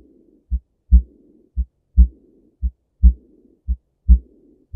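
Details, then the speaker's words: Aortic regurgitation: a diastolic murmur heard loudest at the aortic listening point, a soft blowing sound after each second heart sound, with a regular heartbeat near 56 beats a minute. "now let's listen to the last heart murmur which is aortic regurgitation take a listen"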